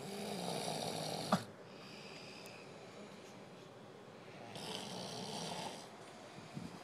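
Two long, rattling, fluttering snores separated by a quiet pause, with faint room noise; ordinary snoring.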